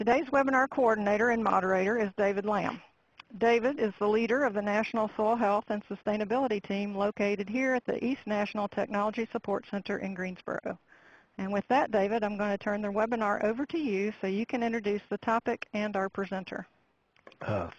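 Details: Adult woman speaking; normal speech.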